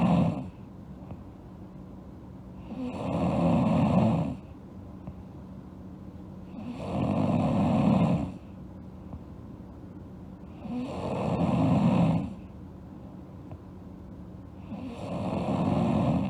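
Regular, loud, rattling inhaled snores with quiet exhales between, about 15 breaths a minute; steady snoring.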